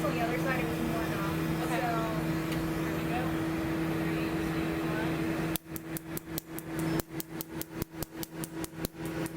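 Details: Steady machine hum, then a rapid series of sharp snapping clicks at about two to three per second; laser firing on a woman's chest tattoo during her second removal session, starting at the top.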